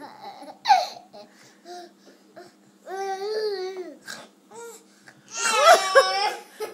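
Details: Ordinary infant cry from a baby who was making fake sneezes: fussy whimpers and short rising-falling cries, ending in a louder wail.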